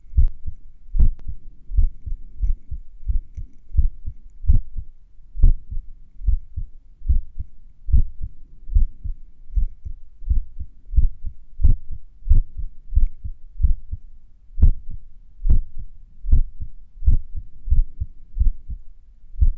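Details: Heartbeat a few minutes after morning exercise, during recovery: steady low beats, roughly 80 per minute, with pauses that shift slightly from beat to beat; sinus arrhythmia.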